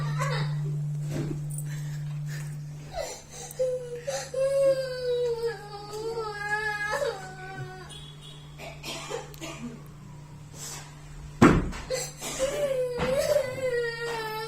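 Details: Child crying while studying: wavering, sobbing cry with whimpers and catching breaths between bursts, indoors over a steady low hum.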